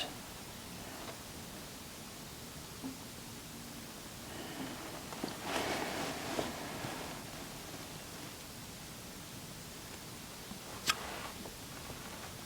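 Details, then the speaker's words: Stethoscope over the upper right abdominal quadrant during a head-to-toe exam on a real person: soft, occasional gurgles, with bowel sounds present and not increased. No obstruction or diarrhea suspected. "Okay. So, bowel sounds are present and they don't appear to be increased."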